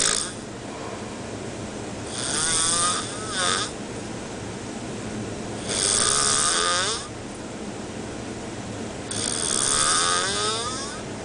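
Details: Slow, rasping snores, about three in eleven seconds, from a sleeping sailor on a boat in the middle of the ocean, over a steady background rumble; ordinary sleep snoring.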